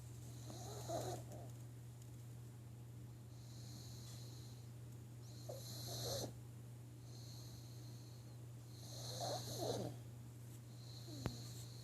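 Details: Pug dog snoring loudly: rough snorting snores with whistling breaths, about three cycles in twelve seconds, over a steady low hum; snoring.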